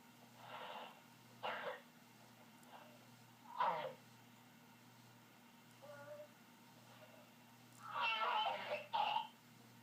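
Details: A cat named Conrad gives a series of short, harsh, noisy bursts, a run of coughs with brief pauses between.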